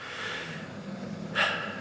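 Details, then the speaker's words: Snoring in a dog asleep after playing for 2 hours: a rough, rattling breath ending in a sharp snort, loud like an old man sleeping. "I appreciate your um enjoying the video even though you can hear Gus loudly snoring because he played for 2 hours and he's conked out sounds like an old man sleep on my"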